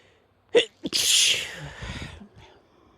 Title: short medley of sneezes and blows